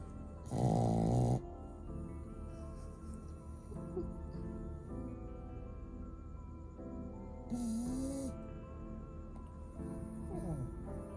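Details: A Shih Tzu snoring: one loud, rattling snore, then a quieter snore later, with steady background music playing throughout.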